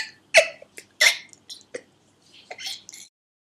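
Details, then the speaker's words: Adult in week 5, day 6 of whooping cough: spasms of involuntary throat clearing in a rapid run of short, harsh bursts with squeaky, whistle-like edges, attributed to swollen, tight vocal cords. "it's gotten some very weird noises coming out um I think it's also because the vocal cords are very swollen and tight and they they can make some very odd weird whistling or strange sounds"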